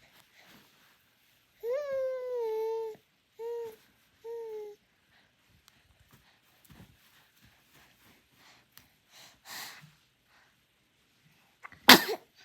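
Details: 5-month-old baby coos in a few sustained tones, then one sharp sneeze after quiet rustling.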